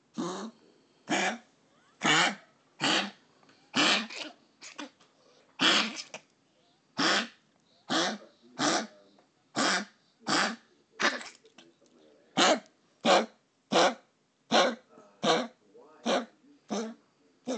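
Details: Dog Ash gives repeated harsh, dry cough bursts with gagging; owner suspects collapsed trachea or another respiratory problem.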